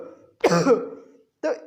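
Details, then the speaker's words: A homeopathic doctor imitates a barking cough, described as dog-like, high-intensity and with a tickling sensation in the throat: one harsh, forceful bark and then a shorter second one; barking cough. "तो नेक्स्ट प्रकार की खांसी जो मैं आपको बताऊंगा वह है बार्किंग कफ। इसमें बार्किंग जैसे कि नाम से पहचाना जाएगा कि भौंकने जैसी खांसी, इसमें कुत्ते के भौंकने जैसी खांसी आती है।"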